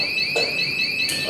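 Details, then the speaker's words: Anesthesia ventilator (Hallowell brand) during setup and leak check: loud continuous high-pitched electronic alarm sounding because the pressure transducer is not connected. Ventilator disconnect alarm. "you're going to hear a screaming sound that is going to make you panic but don't panic this is what you're going to learn okay on that is the sound that you will hear when your pressure transducer is not connected so"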